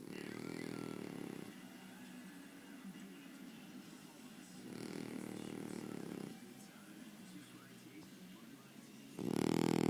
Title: Snoring